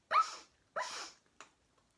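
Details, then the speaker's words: Tourette syndrome vocal tic: two short squeaky sniffs and a fainter third, a squeak made together with a sniff tic, combining two tics. "so I'm squeaking while doing the first kind of sniff tick so it's kind of a combination of two"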